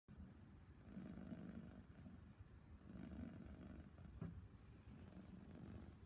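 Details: Female sleeping after her desexing surgery: low, rumbling, rhythmic breathing noise in a quiet room; snoring.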